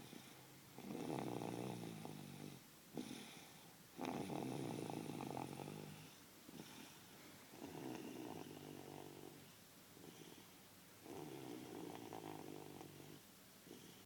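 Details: 28-month-old toddler asleep: rhythmic, rattling snores, each noisy breath lasting a second or two with quiet gaps between; ordinary snoring.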